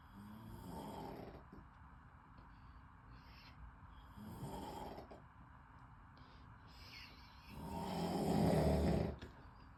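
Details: Three rough, rumbling breaths in under ten seconds, the last loudest, with quiet pauses between; snoring.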